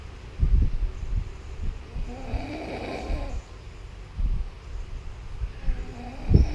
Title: One of the loudness snoring